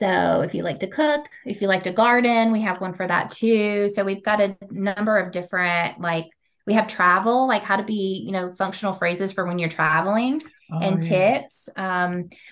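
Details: Adult woman speaking; Normal fluent speech.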